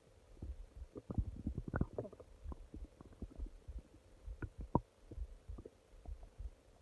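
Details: Prolonged stomach growling at night: irregular low gurgles, bubbling pops and rumbles from the belly over a faint steady hum; normal bowel sounds.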